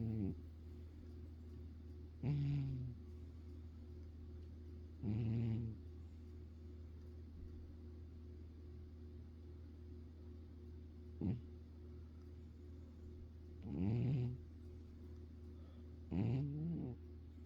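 Low, rumbling snores from a sleeping cat, about five in the clip with quiet gaps over a steady hum; ordinary sleep snoring.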